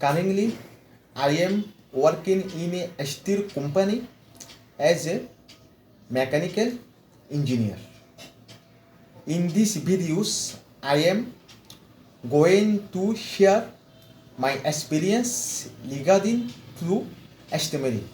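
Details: Adult male mechanical engineer from West Bengal, India, with severe stammering since childhood, speaking after 4 weeks of fluency training; repetitions and long pauses heard; stuttering.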